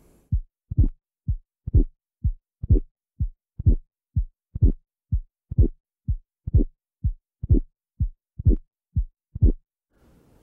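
Regular heartbeat about 62 a minute, with a brief extra click in mid-systole before a louder second sound: mitral valve prolapse with mid-systolic click.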